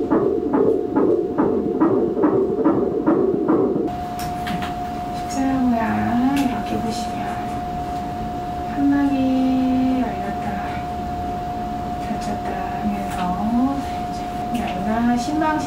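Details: Rapid, regular whooshing fetal heartbeat on ultrasound at a 22-week pregnancy checkup, about 140 beats a minute; fetal heartbeat.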